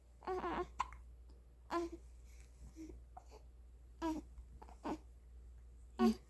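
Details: Baby boy hiccupping and cooing: brief catching sounds about every second, five in six seconds, with soft coos over steady room hum.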